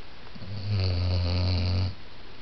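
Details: Lucy, a Basset hound, snoring while asleep: one long, deep, low, buzzing, rumbling snore lasting over a second in a quiet room.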